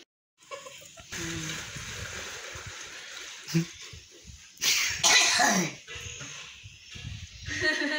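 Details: Nursing student demonstrating effective cough technique, three deep breaths in and out before coughing: acted voluntary cough bursts in a quiet room for clearing phlegm; simulated.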